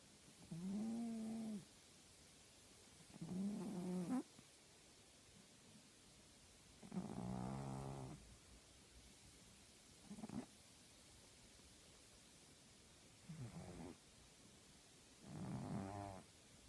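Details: Female tabby cat snoring loudly while asleep: loud, raspy snores about every three seconds with quiet gaps between.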